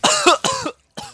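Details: Adult gives three short, forceful cough bursts, the first two close together and the third after a brief pause; cough.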